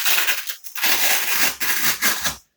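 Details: Blood pressure measurement on a seated male after five minutes' rest, back straight: rushing hiss of air as the cuff deflates, with crinkling as it is removed; reading 126/66 mmHg.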